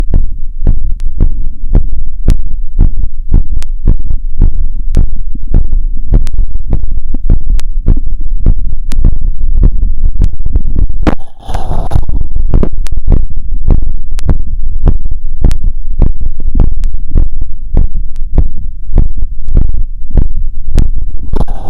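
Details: Heart auscultated with a wired stethoscope after a 2 km run: fast, regular heartbeat about 150 bpm, a normal heart speeding up; sinus tachycardia after exercise. Sites listed: pulmonic, aortic, Erb's point, tricuspid, mitral.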